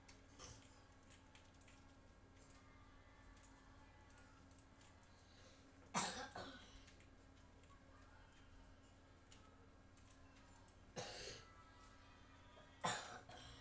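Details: Person still coughing while playing a game: three separate short cough bursts over the steady background hum of a quiet room.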